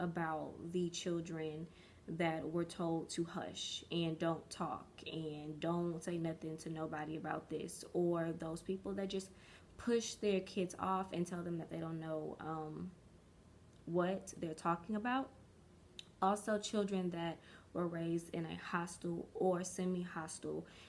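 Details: Stuttering in an adult woman since early childhood, which she believes is developmental stuttering and is still working past; stuttering.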